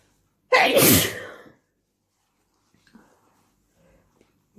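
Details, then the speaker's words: Messy, wet spray sneeze after a tickle in the nose: one forceful sneeze lasting about a second, then faint rustling and quiet. "are some crazy wet sneezes. Sorry, reflection is there."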